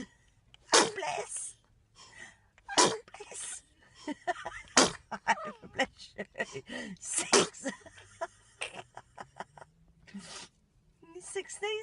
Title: baby sneeze